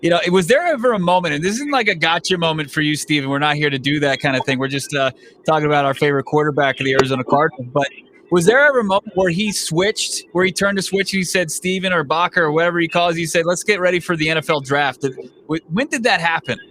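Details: Adult man speaking; normal voice.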